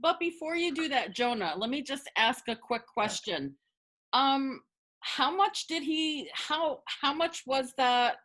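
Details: Adult woman, a person who stutters, speaking as a webinar panelist, with repetitions of words and parts of words; stuttering.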